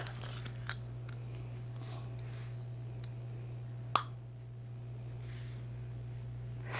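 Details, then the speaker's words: A single sharp click over a steady low hum as the lower clear aligner tray (tray 1 of 13) snaps into place on the teeth. "You can hear that one snap."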